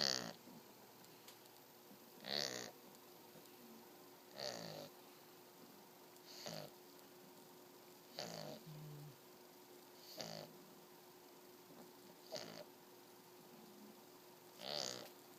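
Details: Short raspy snorting snores about every two seconds, roughly 26 a minute, over a steady hum, from a sleeping 8-week-old Shar Pei puppy; snoring.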